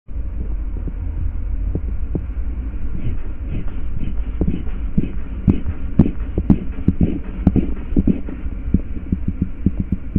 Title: Taking Blood Pressure with Sounds